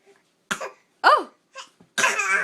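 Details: A young child gives several short, deliberate fake coughs, some with a voiced, sing-song edge, which the adult calls fake: voluntary cough.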